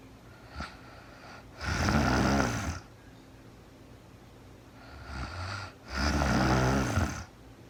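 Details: Real-time recording of a woman asleep at night, no talking, very tired: two loud, rough, rattling snores on the in-breath, with quiet breathing between them in a still room; snoring.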